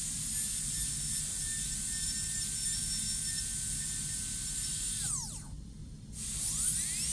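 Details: Steady high-pitched whine of a high-speed dental handpiece that winds down and restarts while refining the initial cut and isthmus to 1 mm in a maxillary first molar MODL amalgam cavity preparation.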